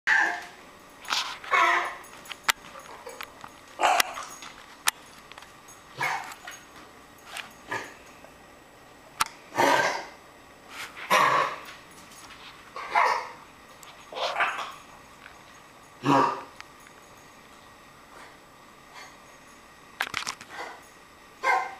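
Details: Puppy with an unexplained cough (owner asks what it is): repeated short, harsh coughs, roughly fifteen bursts in loose bouts.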